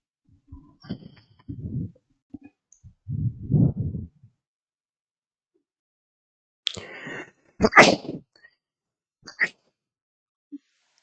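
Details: An adult gives a few short inhaled gasps, then sneezes sharply two or three times; the person attributes the sneezing to their cat.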